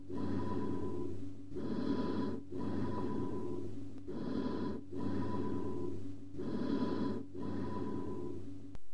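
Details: Amphoric breath sounds, high-pitched and hollow, described as arising over a lung cavity communicating with a bronchus and listened to over the back.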